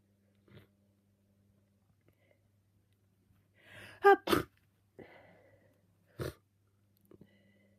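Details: Person with a cold sneezing all day, uncovered, with snot flying: a sharp inhaled build-up, then two forceful wet sneezes and a third seconds later, with snuffly breaths.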